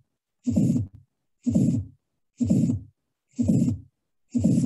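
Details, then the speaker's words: Innocent systolic murmur: regular heartbeat near 60 a minute with clearly distinct first and second sounds and a very brief, soft systolic blow, not harsh or blowing. "this is an innocent murmur i'm going to play this again you can clearly differentiate s1 and s2 and this very brief blow in the bit in"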